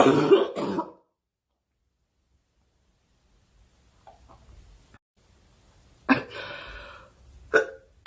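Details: Young woman during a live stream: a few short dry coughs and throat clears separated by silence, faint background noise.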